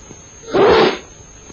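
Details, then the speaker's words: Staged sneeze into a handkerchief in a 1945 public health film about coughs and sneezes spreading disease: one sharp, explosive burst of air lasting under half a second. "Now, handkerchief. Sneeze. Sneeze, handkerchief."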